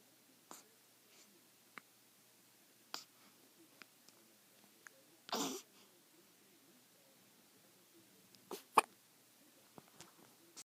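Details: A newborn hiccupping: faint, sharp little clicks recurring about once a second in a quiet room.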